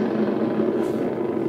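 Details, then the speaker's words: Needle EMG, subject pushing up against examiner's hand at full effort after moderate activation: normal full interference pattern, muscle fully activated and perfectly normal. "and this is full Activation so now the muscle is fully activated and it's perfectly normal"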